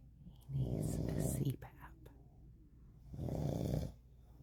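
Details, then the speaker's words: Husband's loud snoring in bed, recorded by his wife: two deep, rattling snores about three seconds apart, each lasting about a second, with quiet breathing between. "His snoring went down a little bit, but good God almighty."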